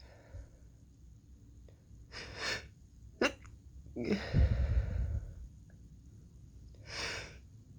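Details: Several sharp, breathy sneezes in fairly rapid succession with quick catching breaths between, faint room hum; sneezing from someone sick for several days, possibly with a cold.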